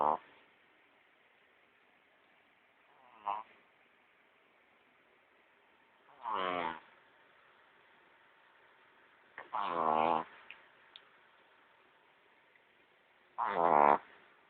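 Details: Sleep-deprived sleeper snoring: short rasping, vibrating breaths every three to four seconds, about 16 a minute.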